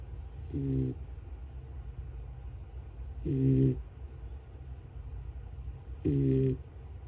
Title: Pizza the Puppy Snoring Like a Tiny Tractor #pets #puppy #miniamericanshepherd #miniaussie #cute